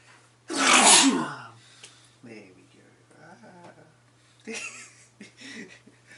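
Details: An adult man gives one loud, explosive, messy sneeze into his hands, expelling mucus like egg white, followed by a few short voiced sounds and sniffs; a single sneeze.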